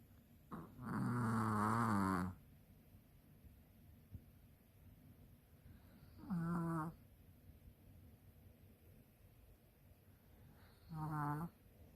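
Three loud, voiced, rattling sounds at irregular intervals, the first long and rough, over a quiet room: snoring during sleep.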